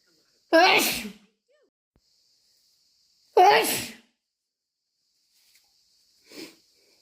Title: Reeeeally wet induced allergy sneezes